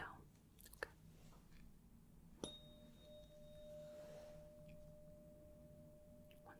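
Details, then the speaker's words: Simulated otolaryngology exam role-play: a light strike, then a pure, steady, slowly fading tone as a 512 Hz tuning fork is placed at the center of the forehead for the Weber hearing test. "And to start, I'm going to strike the tuning fork and put it right in the center of your forehead. I just want you to tell me if you hear it on one side, the other, right in the middle, or if you can't quite tell."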